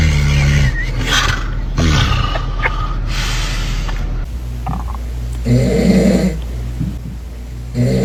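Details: Loud, rough, rumbling snoring with harsh low vibrating bursts, like an engine idling or a lawnmower; snoring.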